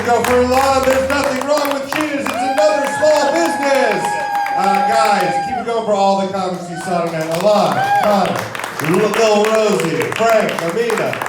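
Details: Adult male comedy show host; typical speech.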